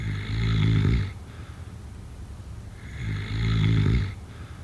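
Two loud, low rumbling snores on inhalation, separated by a quiet pause, during sleep.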